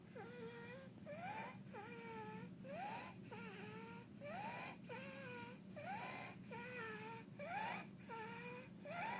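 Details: 2-year-old girl at rest in bed with croup after hospitalization: harsh, high-pitched crowing inspiratory stridor with each breath, alongside barking cough, distressed breathing and chest retractions.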